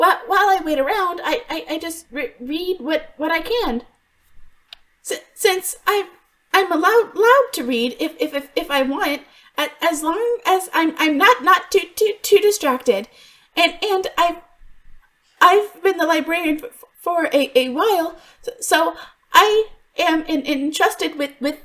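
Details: Adult woman voice actor who stutters in real life (worse when extremely stressed), performing an acted stuttering character; some stutters in the recording are genuine; in character, the stutter is called a deep-rooted psychological issue that fixes haven't cured: stuttering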